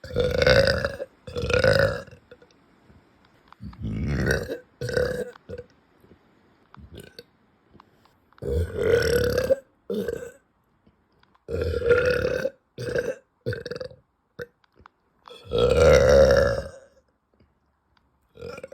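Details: Young woman, bloated and gassy after eating, with uncontrollable repeated burping: about ten loud, drawn-out burps in close succession with short pauses between.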